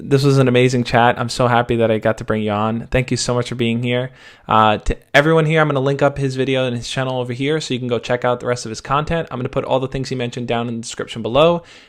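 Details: Adult male speaker; fluent speech.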